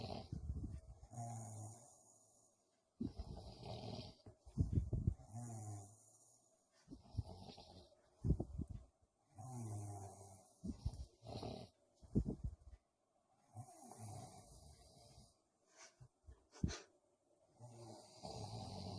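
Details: Snoring by two men, the recorder's brother and boyfriend, keeping the recorder awake: deep, rattling snores with breathing pauses, about nine in twenty seconds, with snorts and room noise.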